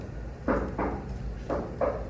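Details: Two regular lub-dub heartbeats at about 60 a minute, with no extra sounds, played as a normal beat for comparison with S3 in a cardiology class: normal heart sounds.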